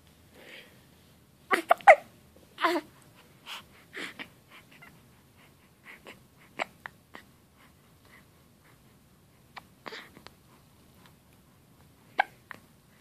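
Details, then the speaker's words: Hiccups in a 2½-week-old baby boy who gets upset and fussy over them; repeated hiccup sounds. "Baby's got hiccups. He's angry about them."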